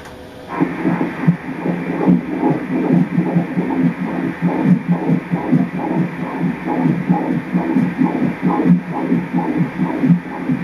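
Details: Regular rhythmic whooshing Doppler pulses of a baby girl's fetal heartbeat during an ultrasound at a stated 37 weeks of pregnancy (fundus measuring 39 weeks); a normal fetal heartbeat.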